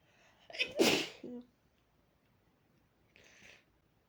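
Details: A single sharp sneeze with a quick intake before it and a soft breath out, from a person sneezing into a fluffy pillow after burying their face in it until a tickle came; sneezing.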